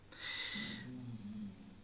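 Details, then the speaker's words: A dog snoring in the background while a man speaks. "c'est mon chien qui ronfle si vous l'entendez c'est ulysse est la mascotte je la présenterai tout à l'heure"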